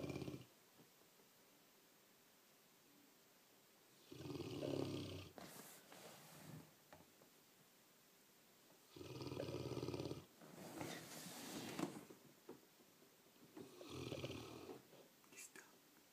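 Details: Sleeping snorer: rough, fluttering snores on each in-breath with softer out-breaths, about 4 breaths a minute in this stretch.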